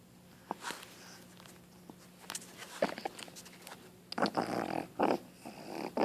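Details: Boston terrier puppy (female) giving a few rough, wet-sounding coughs and hacks; owner thinks she has mucus or phlegm in her throat and worries she is sick; wet cough with throat congestion.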